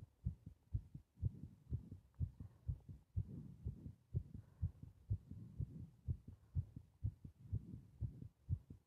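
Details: Steady, quick low heartbeats of about 125 a minute with muffled breathing noise behind them, recorded during bag breathing; heart sounds.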